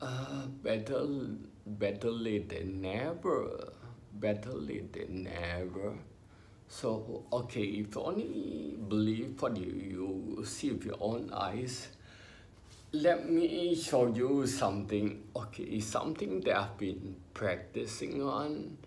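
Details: Adult man with spinocerebellar ataxia, diagnosed by a neurologist about 20 years earlier after trembling hands and unsteady walk; has had speech therapy; ataxic dysarthria.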